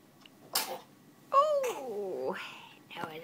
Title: Sneezes